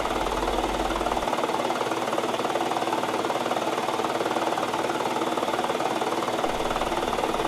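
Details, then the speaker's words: A 12-year-old with cystic fibrosis uses an airway clearance vest at the end of a treatment: steady, rapid mechanical thrumming, about 190 pulses a minute, shaking the chest to break up thinned mucus. "the vest machine it breaks up the thin mucus even more"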